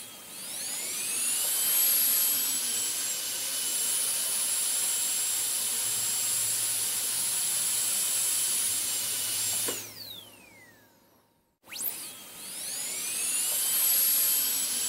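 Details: High-pitched whine of a dental drill running steadily, winding down, then starting up again; an ASMR dentist-drill on-and-off sound recording.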